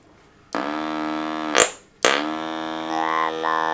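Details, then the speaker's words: Artificial larynx used after laryngectomy for head and neck cancer, pressed on the side of the neck: a steady mechanical buzz with a flat, robotic pitch, switched on in two bursts; electrolarynx speech. "And it works by pressing it onto the side of the neck and when you press the button it vibrates to give um an artificial"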